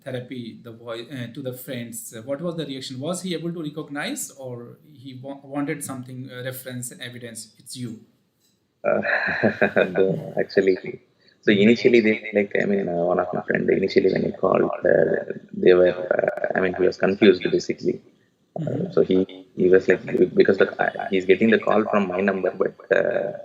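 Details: Adult male with puberphonia (high-pitched, feminine voice), recorded after voice therapy; pre-therapy recording made 4 November 2020; finding: puberphonia after voice therapy.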